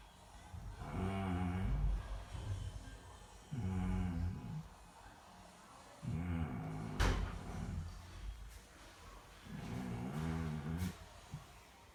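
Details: A person snoring: four low, regular rumbling snores on the in-breath, about every three seconds, with quiet gaps between; snoring.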